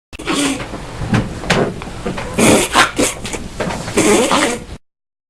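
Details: Dog with a persistent cough, recorded so the vet can hear it: repeated harsh, honking coughs and hacking bursts over a few seconds.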